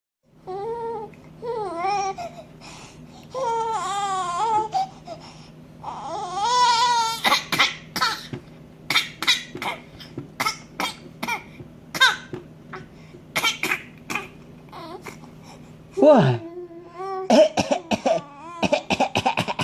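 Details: Infant, angry and fussing, whines and then gives a run of short, forced, deliberate coughs for attention, not from illness: voluntary cough.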